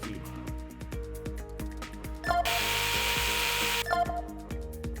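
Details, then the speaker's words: Simulated surgical pin driver: about 1.5 s of steady drill whir over rhythmic music, placing three pins to anchor a tibial block in a VR robotic-assisted total knee replacement training simulator. "it's anchored with these three pins so I'll grab the pin driver again and put these three pins in"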